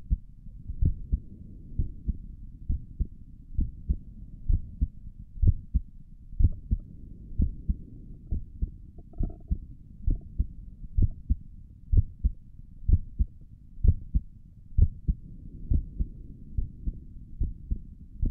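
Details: Heartbeat heard through a stethoscope on the chest for an ASMR recording: steady low thumping at about 64 beats a minute with a soft background hum; stomach gurgles occur during the recording; normal heart sounds.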